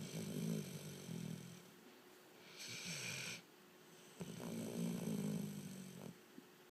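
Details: Dog snoring: two low, rattling snoring breaths in, with a quieter breath out between them; ordinary snoring.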